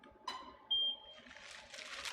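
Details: A brief click, then a short high-pitched beep and soft hiss as a LUVO Lucent IPL device fires one of several stacked pulses with 0% overlap on the count of three, during an IPL photofacial on a woman's face through cold gel.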